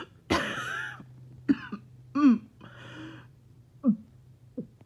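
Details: Harsh cough followed by strained, groaning breaths and throat clearing after a 20-minute workout: choking cough with labored breathing after exertion.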